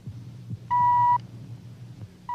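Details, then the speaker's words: Audiometer pure tone during a hearing test of an adult man; steady electronic test tone about half a second over low room hum, then another beginning. "the electronic tone of the audio meter probes the depths of the passageway for sound"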